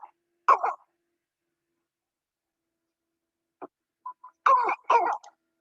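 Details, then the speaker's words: Child's croupy cough: harsh, barking coughs in short bursts, from viral inflammation and swelling in the airway just below the vocal folds; croup. "That's what a croupy sound a croupy cough sounds like that's due to a viral infection in the most narrow part of the airway, the airway just below the vocal folds, and it leads to an inflammation swelling in that area that causes that common cough."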